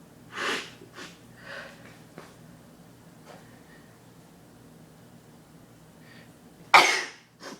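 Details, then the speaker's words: Person sneezing with eyes open after sniffing pepper: quick breaths and sniffs build up, then one loud, sharp sneeze; single sneeze. "did it oh my god it's so awesome oh i sound like a man when i sneeze oh my gosh"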